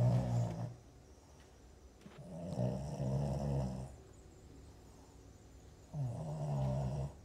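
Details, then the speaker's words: Awake Boston Terrier, not sleeping, looking out a window: low, rumbling snore-like breaths, about three noisy breaths in seven seconds; stertor. "And you can hear somebody snoring here, and she's not even sleeping."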